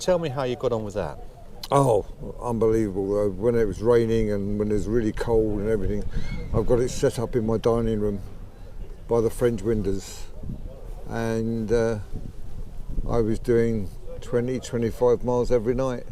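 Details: Late-onset stuttering (rare old-onset stammer) in a man aged about 64, developed at age 63 about 15 months earlier, possibly related to his Parkinson's disease of about 15 years treated with DBS; worse when emotional, excited or talking fast; also throat and swallowing problems.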